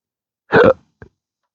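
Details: Adult with a rare, chronic, disabling hiccup and burp condition since December 2015, after surgery that left multiple nerve damage; recorded outdoors on a rooftop at sunrise. A short voiced burp followed by a brief sharp hiccup catch.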